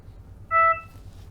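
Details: Trilogy Evo non-invasive ventilator (NIV) in a quiet room: a single short electronic tone as "start ventilation" is pressed and ventilation begins.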